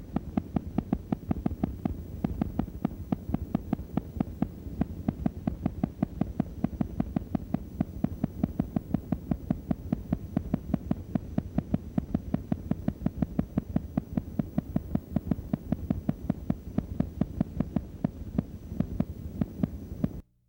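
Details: Needle EMG with high-amplitude, long-duration motor unit potentials from reinnervation in chronic denervation: loud, deep, rapidly repeating thuds.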